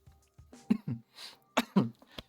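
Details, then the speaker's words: An adult coughs about four times in two bursts with a quick breath between: a lingering cough while still stuffy-nosed and recovering from being sick. "Oh, there's that cough. You can hear it."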